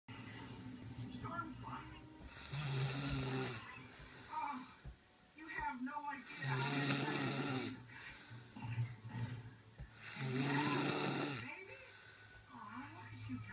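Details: Adult sleeping after a 13-hour night shift, snoring loudly and roughly about every four seconds, roughly 15 breaths a minute, over faint background sound.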